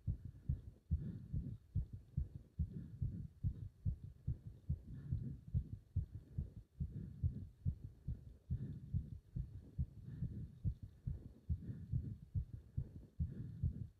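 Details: Heart sounds during leg wrench exercise, pounding felt up to the subclavian artery: fast, strong, regular heartbeat roughly 140 beats a minute, thudding loudly; rapid forceful heartbeat during exertion.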